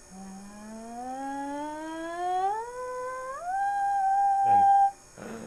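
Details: Patient gliding from bottom to top of range after a deep breath during rigid videostroboscopy, normal exam; normal pitch glide.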